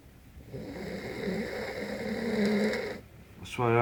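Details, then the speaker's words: Loud snoring in a man asleep at 5 a.m.: a loud, drawn-out rough breathing noise, then a brief pause. "it's 5:00 in morning pet and you're really slow really loud"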